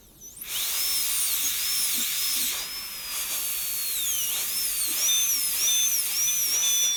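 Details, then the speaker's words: High-speed dental handpiece with a 1557 bur connecting occlusal guide cuts on a model tooth #18 for a gold onlay, run dry (clinically water would be used): high-pitched whine dipping and rising as it cuts. "it's a nice burr to use at this stage because it cuts very cool normally we'd be using lots of water if this was a clinic"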